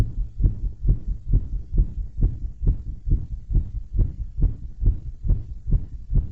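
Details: Heartbeat recorded after bouncing and balloon blowing: regular, strong low thumps at about 136 a minute, sinus tachycardia after exertion.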